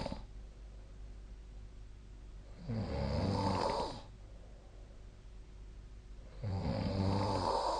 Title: 🐽 本日のイビキ / Snoring Sleep Sound 2025/04/10